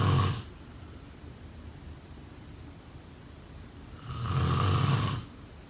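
Two low, rumbling snores about four seconds apart, with quiet breathing between them.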